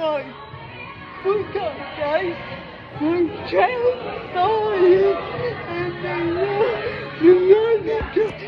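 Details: Adult female with cerebral palsy; speech of a person with cerebral palsy (specific speech disorder not named; possible dysarthria).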